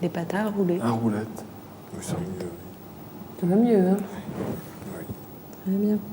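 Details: Aphasia in a male patient with a brain lesion, with word-finding difficulty, word substitutions, sentence-construction problems and intermittent pronunciation difficulties, during a picture-naming task.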